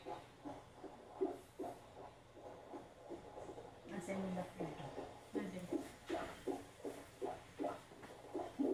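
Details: Fetal heartbeat on Doppler at a 15-week check-up of an IVF pregnancy, after a long search for the heart rate: fast whooshing, galloping pulses at about 150–160 per minute, normal for this stage.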